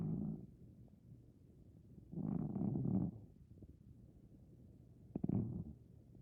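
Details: Maine Coon cat aged 15+ sleeping and dreaming: soft low rumbling breaths about every two and a half seconds, roughly 24 a minute, gentle snoring.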